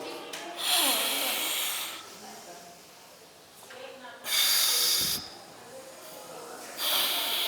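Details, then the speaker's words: Several sharp, forceful hissing breaths out through the nose with quieter pauses, during anulom-vilom alternate-nostril breathing exercise, one nostril closed with the thumb, taught for snoring relief and sleep; forceful nasal exhalation. "इसमें भी एक नाक से सांस लेना है। दूसरे को बंद रखना है। जिस तरह से आपने सांस ली है उसको बंद करके अंगूठे से और फिर दूसरे से छोड़ना है धीरेधीरे।"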